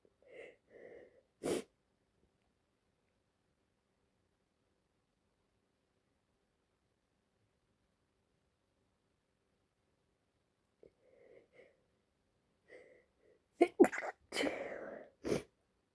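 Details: Female with allergies, congested and a runny nose, at the end of a sneezing fit: one sneeze, a long silence, then a final burst of two or three sneezes.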